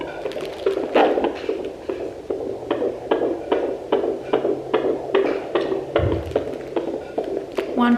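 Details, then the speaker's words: Home fetal Doppler with ultrasound gel picks up fast, regular, galloping pulses at about 145 bpm. The mother believes this is the fetal heartbeat rather than the placental whoosh. "so i'm pretty sure this is baby's heartbeat so they say your placenta the blood sound is more of a whoosh but a heart beats more of a gallop i'm pretty sure it's a heartbeat yeah 145 is heart rate"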